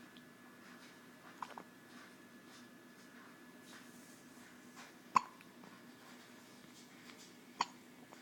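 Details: A 3-week-old infant gives a few sharp, brief hiccups against a quiet room with a steady background hum; finding: infant hiccups.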